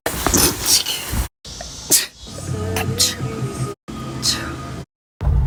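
Several short, sharp sneeze bursts with brief gaps between them, over background music.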